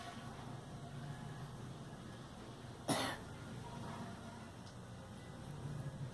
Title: Girl coughing